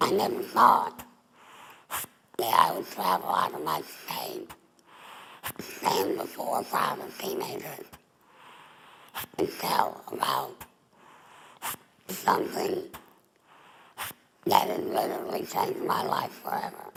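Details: Adult woman, former smoker, larynx removed for laryngeal cancer, with neck stoma. Alaryngeal speech after total laryngectomy.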